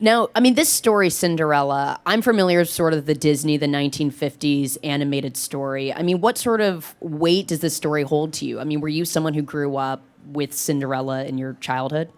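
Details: Adult speaker; normal voice.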